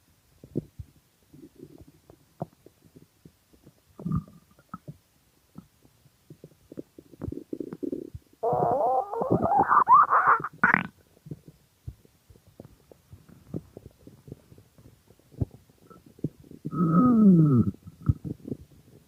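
Irregular gurgling, rumbling and creaking bowel sounds with louder bursts of growling; ordinary hunger stomach growling.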